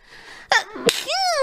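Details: Streamer's triple sneeze: two sharp explosive bursts close together, then a brief voiced sound. Sneezing.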